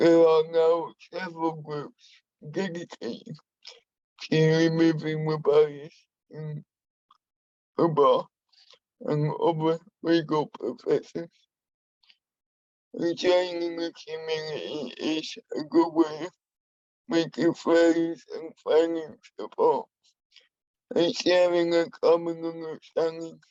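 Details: Adult man with spastic and dyskinetic cerebral palsy who uses a wheelchair; he has a speech impairment he has worked hard to minimise and continues to practise; dysarthric speech in cerebral palsy.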